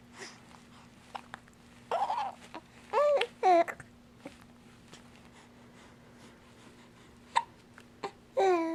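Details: Infant's hiccups: short, sharp catches at irregular moments between the baby's babbling and squeals.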